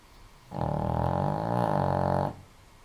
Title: Benny, the snoring dog :)